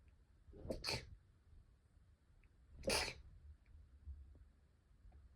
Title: sneeze 116